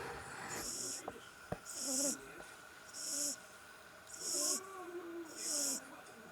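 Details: Small, soft snore from a sleeping 6–7-week-old English Brindle Bulldog puppy: regular hissing, whistling breaths with a faint nasal whine, about 50 a minute.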